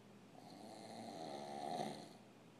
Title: The snoring King